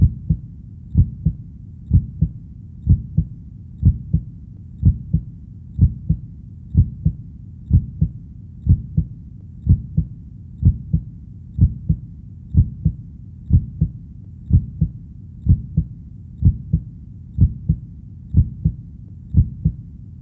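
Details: Steady paired low thumps of a heartbeat at about 62 beats per minute, regular rhythm, in a 42-minute relaxation/sleep recording; heartbeat sounds.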